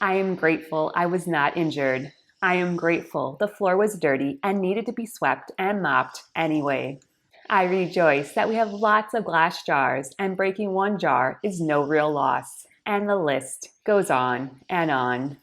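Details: Adult woman speaking with a tracheostomy tube on a ventilator, tracheostomy since May 2017, severely ill since 2009 with an incurable medical condition.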